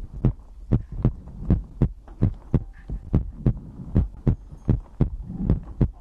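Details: ASMR heartbeat-and-breathing compilation recording: sharp, fairly regular thumps at about 95 a minute with faint breathing noise in the background; normal heart sounds.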